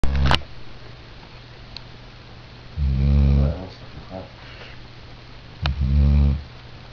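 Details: Female animal exhausted after her PAT visit, sleeping: two loud, low rumbling snores a few seconds apart over quiet room noise; snoring.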